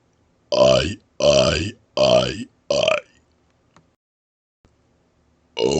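Four long loud voluntary belches shaped like vowel sounds, then a fifth starting; deliberate burping.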